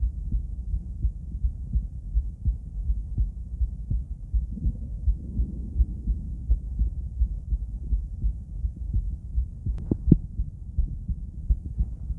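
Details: Female heart auscultated with a stethoscope; soft low thumping about 85 per minute under steady stethoscope hum; normal heart sounds.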